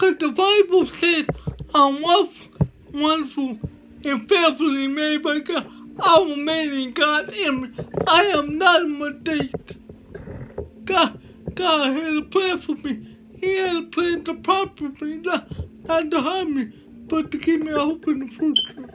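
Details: Dysarthria from cerebral palsy in a male motivational speaker.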